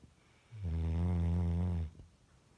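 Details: Loud snoring from a dog: one loud, deep, droning snore lasting over a second.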